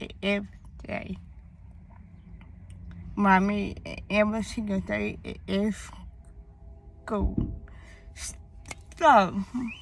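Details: Young woman whose speech impediment began around third grade with hearing loss (deafness); she had speech therapy at school, doctors found no cause, and she was born too early: speech impediment (articulation errors).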